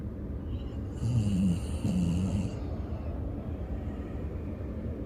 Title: sleeping snoring #comedy